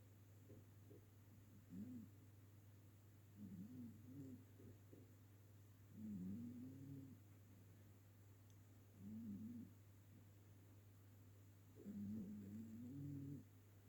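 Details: Ginger cat sleeping on a sofa, snoring loudly enough to be heard across the room: soft, squeaky, whistling irregular snores over a steady low room hum; ordinary harmless snoring.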